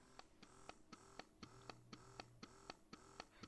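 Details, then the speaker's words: Electric breast pump in let-down mode, the quick suction that mimics a baby's first nursing, before switching to expression mode: quiet, fast, regular mechanical clicking and whirring, about 120 cycles a minute. "so let down mode is fast when you think of a baby nursing for those moms who do nurse when the baby first latches on it's a quick suction mode quick quick quick quick quick"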